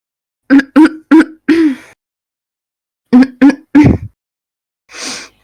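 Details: Woman with suspected vaping-related lung injury (EVALI), former smoker: two runs of loud, harsh throat clearing, about seven forceful bursts, then a breathy exhale; permanent congested cough, wheezing and stuffy nose.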